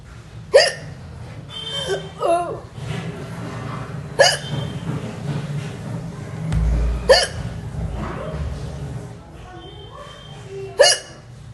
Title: natural hichki hiccups (1)